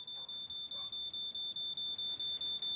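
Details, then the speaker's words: Fictional TV drama scene (Inspector Lewis): rapid, steady, piercing high beeps at about five per second from a seizure alarm going off in a care setting. "it's still seizure alarm I'll get it shall I"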